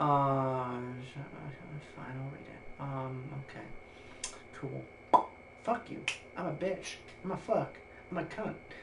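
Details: Male streamer who says he has Tourette's syndrome, described as severe coprolalia; repeated obscene vocal tics while reading game text; coprolalia (vocal tics in Tourette syndrome).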